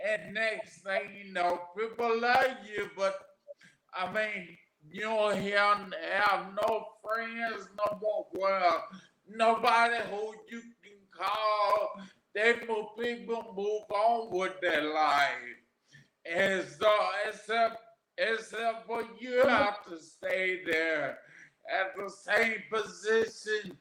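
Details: Adult man, 41, with aphasia after three strokes, the first at age 27 caused by an arteriovenous malformation; garbled paragrammatic speech; aphasia.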